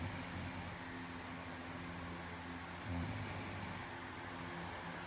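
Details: Snoring: low rumbling snore sounds with breaths, over steady room noise.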